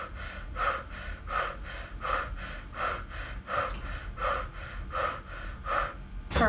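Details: Subject in a closed body box with hands on cheeks, doing rapid, regular, shallow panting at about 86 a minute on instruction during a body plethysmography lung function test, followed by a big breath and a push.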